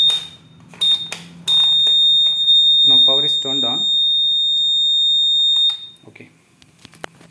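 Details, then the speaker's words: DIY Arduino ventilator prototype with SpO2, heart rate and temperature sensors at power-on, no finger in the sensor (heartbeat 5, SpO2 0): loud steady high-pitched buzzer alarm, with brief talk and laughter nearby. "there is no finger inside of the sensor though so it will automatically giving buzzer alarm"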